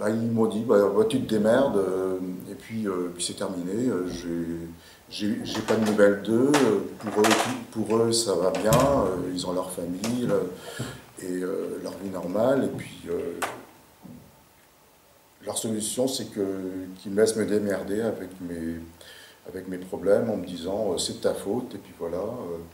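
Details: Stuttering in a 58-year-old man who has stuttered since about age 4, through his schooling, very emotional and shy, with word repetitions; stuttering.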